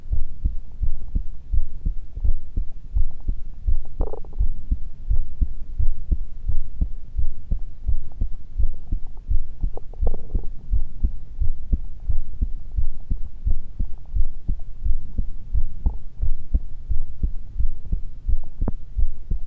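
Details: Normal heart sounds with nothing unusual: regular low thumping heartbeat at about 87 beats a minute.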